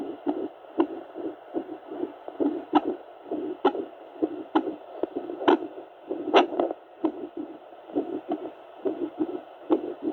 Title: Original sound if heart with doppler